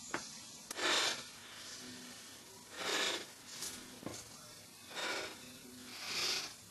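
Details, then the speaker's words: Repeated sharp, breathy pre-sneeze inhalations building toward a sneeze that never comes out; speaker says he has been trying for a long time and it won't come out, during a chromakey video outtake. Finding: failed sneeze attempt. "So I've been trying for the longest time to get a sneeze. It won't come out."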